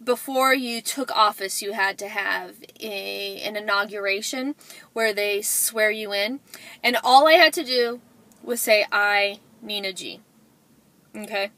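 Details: Adult woman, self-described stutterer, with word repetitions; stuttering.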